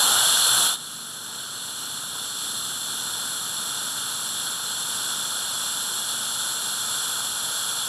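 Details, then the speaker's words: Dental implant drill starting at about 1000 RPM on bone while removing interseptal bone remnants at a healed extraction site, preparing a Bicon SHORT implant site in a wide first molar space: steady high-pitched whine with hiss. "okay so initially we will begin at a speed of about a thousand RPM or so and I am now flipping over the remnants of that Interceptor bone"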